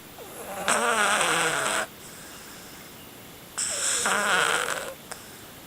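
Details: A Siamese cat asleep in the dark around 10 pm snores loudly, like an old man: two loud, rattling breaths about three seconds apart, each over a second long with a fluttering buzz.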